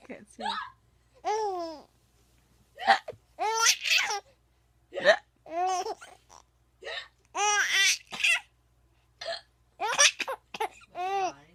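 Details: Hiccups while laughing: bursts of laughter and voiced sounds broken by sharp catches.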